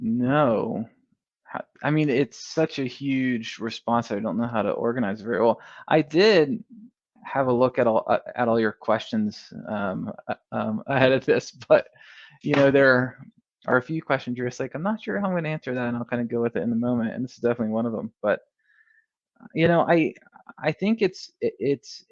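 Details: Adult male who has stuttered for as long as he can remember, with audible repetitions in conversational speech: stuttering.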